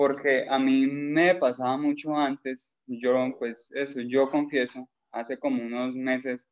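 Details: Man who stutters and was once unable even to talk with his parents; stuttering.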